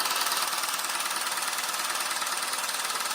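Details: Rapid, steady mechanical tapping, a little over two pulses per second, from a handheld at-home low-intensity shockwave therapy device applied to the sides of a man's penis in a second round; he reports no pain.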